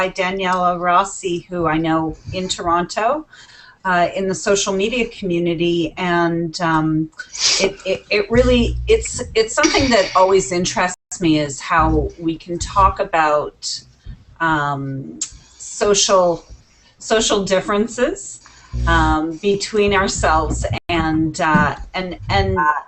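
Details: Adult woman speaking; normal speech.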